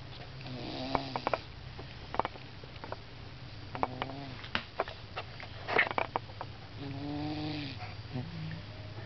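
Soft, rattling snores with clicky snorts and a brief whine-like tone on the breaths; snoring.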